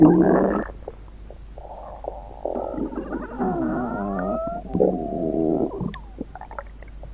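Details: Stomach growling (borborygmi), audio processed with a weather-radio voice effect: low gurgling, rumbling and squeaking bowel sounds lasting several seconds.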